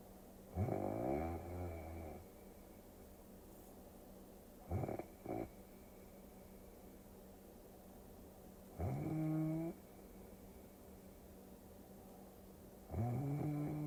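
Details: Four snoring breaths over about 14 seconds, one broken into short snorts, each with a low droning pitch, over a steady background hum, in a sleep-relaxation ASMR recording; snoring.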